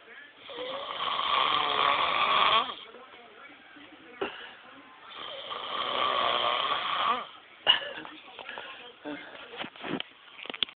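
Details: Two long, loud, rattling snores, each about two seconds, with quieter breathing and small snorts between; ordinary snoring, "sawing logs."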